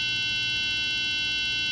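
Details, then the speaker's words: Quick, rapid, high-pitched electronic beeps from a Welch Allyn SureSight handheld autorefractor, signalling that it is held closer than 14 inches from the patient's pupil. "if you are hearing quick high-pitched beeps the sh sight is too close to the patient meaning you're less than 14 in from the pupil"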